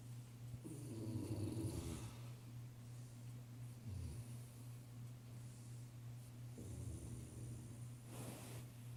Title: My wife snoring